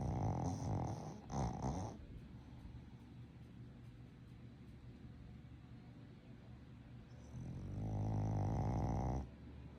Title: Boston Terrier Snoring | SOUND ON! 🔈 #bostonterrier #shorts #viral #tiktok #india